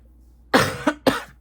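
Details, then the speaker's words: Two short, sharp coughs from an adult woman in a quiet room, with a still slightly hoarse voice; a lingering cough after recent illness with allergies and sinus trouble. "Excuse me. I still have a little bit of cough as well. That will not go away."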